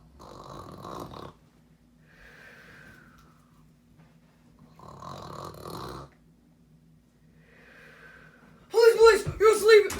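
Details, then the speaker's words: Sleeping person's loud snoring: two rattling in-breath snores, each followed by a soft whistling out-breath, about 13 breaths a minute, with speech breaking in at the end. "You're snoring way too loud. You're sleeping way too loud. You are violating the law, and people cannot sleep."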